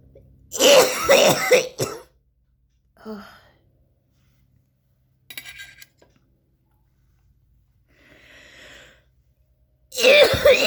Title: coughing out some spit & lungs for your viewing pleasure